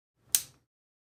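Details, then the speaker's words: Single sharp, crisp click with quick fade: light-force Integrator chiropractic adjusting instrument impulse applied to the upper neck of Tony, a patient with cerebral palsy since birth, during a deep breath and gentle head nod. "I'm going to use an instrument to assist this next adjustment. It's called an integrator. It's very, again, light force."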